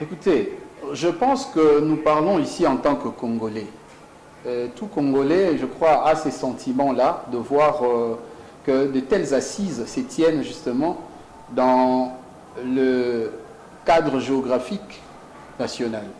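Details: Adult man speaking French; fluent speech.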